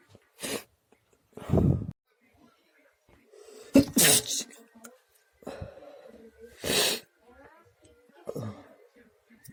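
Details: Night sneezes: about six sharp, explosive sneezes with short pauses, some with a quick inhaled lead-in, in a quiet room.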